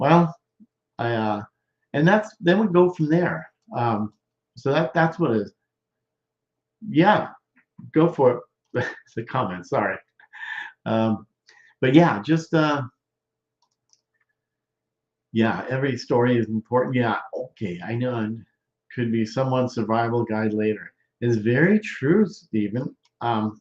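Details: Male stroke survivor more than 13 years post-stroke with non-fluent aphasia, with word-finding difficulty, trouble with small function words and word substitutions; expressive (Broca's) aphasia.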